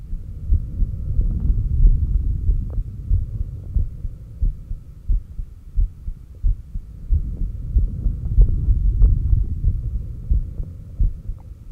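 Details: Heartbeat recorded at the apex during exhaled (stomach vacuum) and inhaled breath-holds, oximeter in use: low steady thumps about 90–95 per minute over faint hum, occasional stethoscope noises and stomach growls possible; normal heart sounds.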